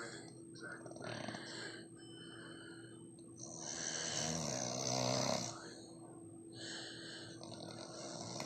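Loud, rough snoring noise rising and falling with breaths, over steady room hum.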